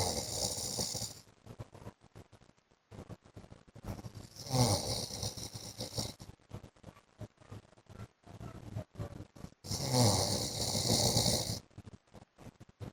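Loud rattling snores that come and go irregularly, with quieter noisy breathing between them; snoring.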